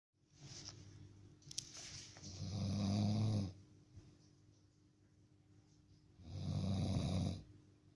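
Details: Snoring from a sleeping dog: two long, low, rumbling snoring breaths in eight seconds, described as strange-sounding, with a quiet hum in the room.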